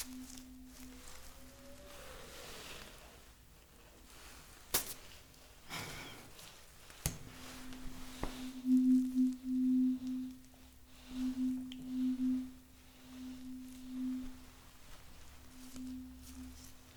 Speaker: I'm gonna be using this tuner fork right here. I'm gonna be bringing it, and I'm gonna need you to tell me whether you hear it equally from one side to the other.